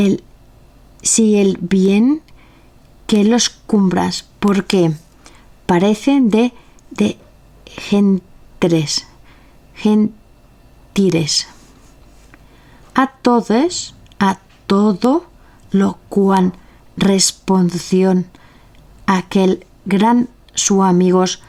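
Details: Aphasia in a member of an aphasia association (Afasia Activa), recorded reading Don Quixote chapter XII aloud in Spanish for a virtual reading event.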